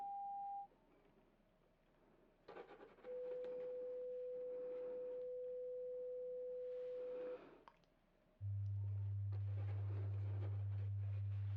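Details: Simulated ASMR hearing-test role-play: steady pure beep tones at different pitches played through headphones to either ear, with the listener asked to raise the hand on the side heard, then a low hum, over soft room noise; pure-tone audiometry test tones.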